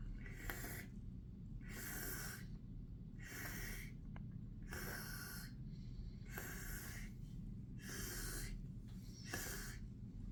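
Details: Simulated tracheostomy suctioning, second pass after hyperoxygenation: rhythmic hissing suction bursts over a steady low hum as a catheter clears the tracheostomy.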